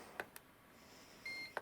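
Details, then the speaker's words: Soft clicks of a held button, then a brief electronic beep as a WellO2 home breathing exercise device starts after selecting the 45 °C steam setting, with a flashing orange light; device start-up beep. "Okay, and now there was a signal, and there's also there should be a little light."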